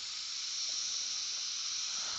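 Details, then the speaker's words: Dental surgical suction during retrieval of a broken, cold-welded abutment screw from an external hex implant (type 4 case): steady high-pitched hiss of the suction tip drawing air and fluid during oral surgery. "okay keep the suction right on that okay and back it up just a hair that's good like right there"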